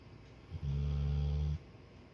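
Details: Single loud, low, rumbling snore lasting about a second in a quiet room during sleep; snoring.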